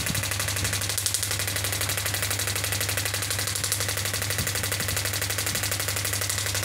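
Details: Pneumatic ballistic (radial) extracorporeal shockwave therapy device, 10 bar, demonstrated firing with frequency being adjusted: rapid regular mechanical clicking pulses about two per second over a steady hum.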